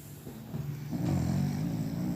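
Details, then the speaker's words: Female puppy asleep while swaddled in a dressing-gown sleeve: a low, rumbling snore building over a single breath; snoring. "She's gone to sleep and snoring"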